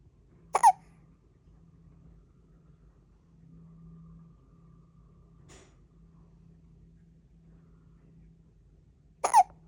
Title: Hiccup😉🙃